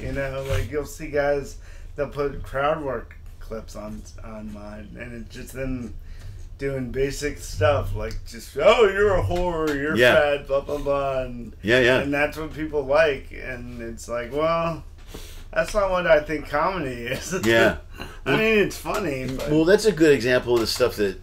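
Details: Adult man, a comedian and father of two teenage boys, born with cerebral palsy, who says he sounds like this all the time; dysarthria from congenital cerebral palsy.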